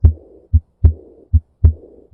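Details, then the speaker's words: Rhythmic alternating heart sounds with a murmur after S2, timed by carotid upstroke palpation following S1; diastolic murmur. "in this case the crowded up stroke is felt here then this would be s1 and this s2 making this a diastolic murmur"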